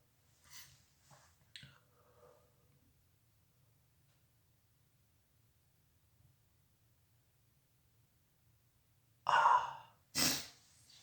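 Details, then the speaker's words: Self-induced sneezing: soft breathy inhalations, a quiet pause, then two loud explosive sneezes in quick succession. "That's how you make yourself sneeze."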